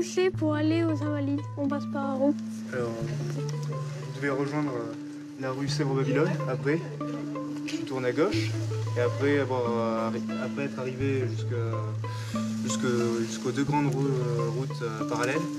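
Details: Adult man speaking French; ordinary speech.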